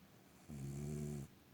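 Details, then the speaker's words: Woman snoring in bed, filmed by her husband: a single steady, buzzing snore under a second long with a low, even tone. "Olha aí pessoal compartil este vídeo com outras pessoas e sorria com alguém roncando ao teu lado roncando"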